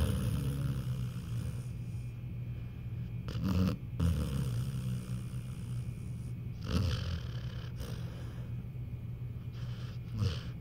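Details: Male pitbull asleep and dreaming, jerking in his sleep during a nightly cuddle: steady low rumbling snore with occasional louder snorts, roughly 18 breaths a minute.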